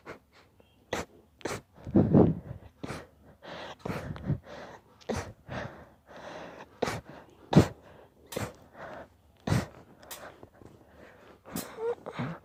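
Rapid run of sharp sneezes with quick gasping in-breaths between them, a deliberately induced sneezing fit.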